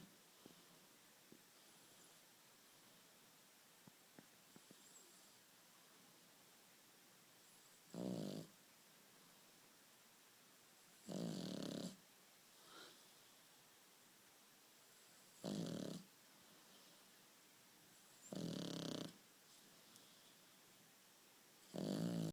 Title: Amazing dog snoring